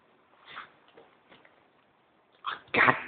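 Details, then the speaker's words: A person sneezes: soft breathy lead-in sounds build to one sharp, loud sneeze burst near the end, followed by dismayed talk; the window was already broken beforehand. Sneezing. "damn it this is dirt down this week oh yeah this is bad I hit Windows why do I always break when I sne"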